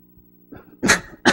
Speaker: I have to cough and I don't know how to mute this would you like to tell me how to mute it okay I mean I know you can hear me cough but it's not as bad